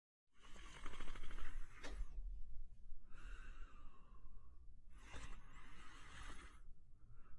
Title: Mr. German Shepherd Sleeping & Snoring in 1 minute & 14 seconds